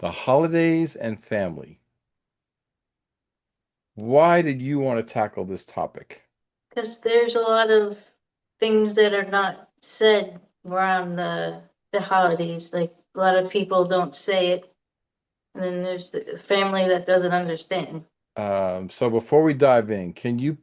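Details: Aphasia in an adult female survivor of a hemorrhagic stroke in September 2018, who could not talk for two years afterward.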